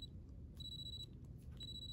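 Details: High, steady electronic beeps switching on and off as a 31 mm file advances in a practice tooth set in alginate; the apex locator audible signal reaching a stable working length.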